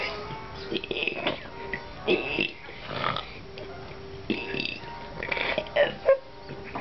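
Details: A child deliberately burping the alphabet: a run of short voluntary burps shaped like spoken letters, over background music.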